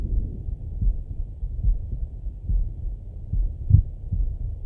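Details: Male heartbeat auscultated through a stethoscope: steady low thumps at roughly 72 a minute with soft breathing in the background; heartbeat with breath sounds.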